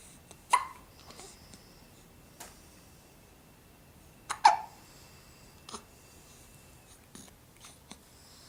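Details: Brief, sharp catching sounds from a four-week-old infant, recurring irregularly at about 15 a minute, with soft breathing between; infant hiccups.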